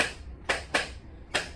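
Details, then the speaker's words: Chiropractic Atlas-specific x-axis adjustment of the upper neck in a man with severe hip pain who arrived with a cane: three sharp brief clicks within about 1.5 seconds, joint cavitation. "I'm adjusting his Atlas on the x-axis and another scientific question for you what is it that I am influencing"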